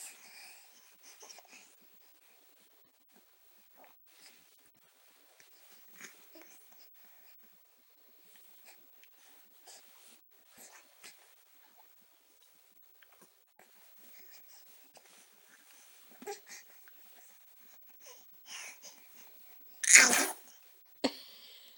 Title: Baby sneeze